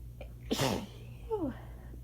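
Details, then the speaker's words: Sneezing fit triggered by shower water accidentally sprayed up the nose, which burned at first, recorded sitting in a towel just after the shower: a brief intake of breath, then a forceful voiced sneeze with a falling vocal sound; a single sneeze. "And so now I'm just sitting here in a towel. Sneezing my head off."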